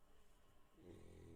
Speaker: you can hear snoring in the background